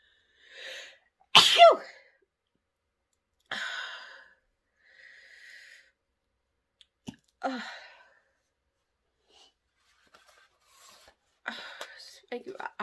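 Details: Adult woman deliberately sniffs pepper to bring on sneezing: a loud explosive sneeze, then quieter sniffs, a loud trumpet-like nose blow and further sneeze-like bursts with gaps of silence; repeated sneezing.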